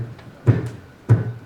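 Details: Two sharp, loud, low thuds imitating the forceful pulmonary valve closure of a loud P2, a sign of pulmonary hypertension (pulmonary trunk pressure above 25).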